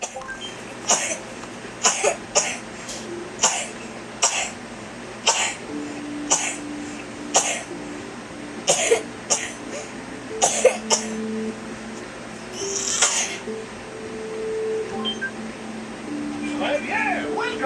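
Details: Child's coughing fit before a doctor visit: a run of about fifteen short, sharp coughs in quick succession, over steady background noise and faint game music.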